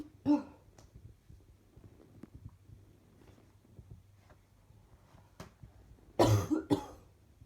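One cough, then a quiet stretch, then a burst of two coughs close together, in a small room with faint low hum.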